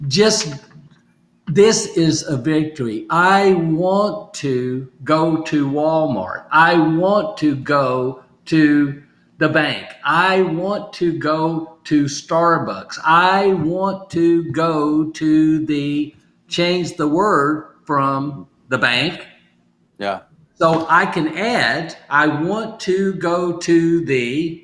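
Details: Adult male stroke survivor with aphasia caused by stroke, still recovering, practising phrases from sticky notes as part of home therapy; aphasia.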